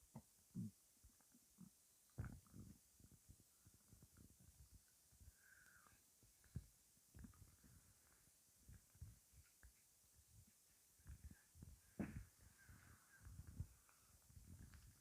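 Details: Irregular low gurgles and rumbles with a few brief higher squeaks in a quiet room; stomach rumbling the person found unusually weird-sounding, bowel sounds (borborygmi).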